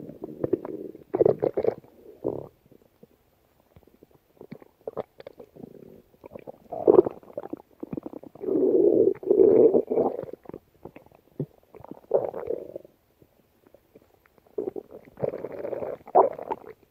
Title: stomach growling 4 (first video of February)